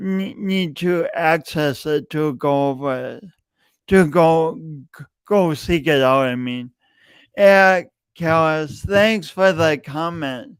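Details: Adult male podcast host with a long-standing speech impediment he denied for years, present every time he speaks; repeated words throughout; speech impediment with disfluency.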